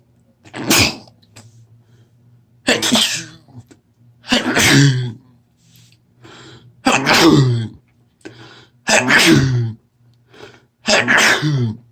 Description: I've had a cold all week and I induced this fit with some Chhinkni. These sneezes were incredibly wet.